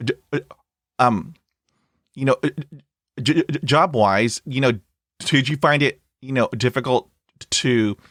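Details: Stuttering in an adult man, starting around age 3 when he developed Lyme disease from a tick bite, which he still has. It was full-blown by middle school and is now somewhat controlled, with bad days or weeks; briefly closing his eyes eases blocks and repetitions.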